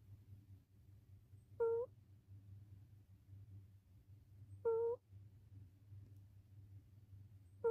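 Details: Short, high-pitched, voiced snores about every three seconds, roughly 20 a minute, over quiet room hum, from a sleeping rescue cat that developed lymphoma and renal failure in 2020; snoring.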